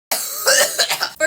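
A short run of harsh, airy coughs right after inhaling a heavy vape or smoke hit.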